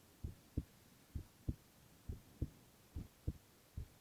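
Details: Boy's heart sounds, ASMR recording: steady, regular low heart thumps at about 75 beats a minute, quiet background; normal heart sounds.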